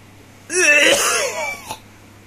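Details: One deliberate, voiced, throaty cough made on purpose to demonstrate how to cough, with an O-shaped mouth and a feeling of something in the chest.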